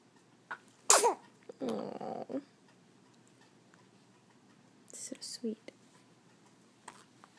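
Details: Young boy sneezing: a sharp, sudden sneeze followed by a noisy outbreath, then softer small sounds, in a quiet room.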